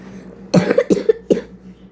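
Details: Person who says they are sick, coughing while playing a game: three quick dry coughs in a row in a quiet room.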